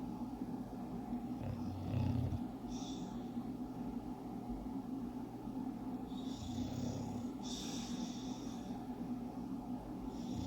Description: Sleepy Porkchop the English Bulldog's 60 seconds of cute snoring bliss.